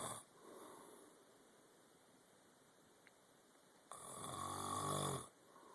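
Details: Adult man (father) snoring: a quiet room, then a single low, rumbling snore on the in-breath lasting over a second; ordinary snoring.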